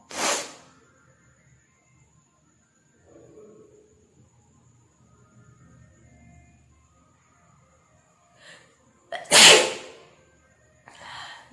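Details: Sneezing challenge, nose tickled with a matchstick: two loud, sharp sneezes, one at the start and one near the end, with quiet breathing and faint sniffing between.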